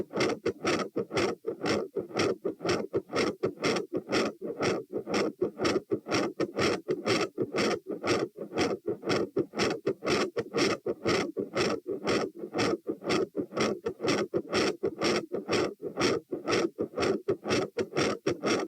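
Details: Heart sounds recorded at position T with the patient standing: fast, regular heartbeat at 120 bpm with a harsh, scratchy murmur and a loud, prominent S2.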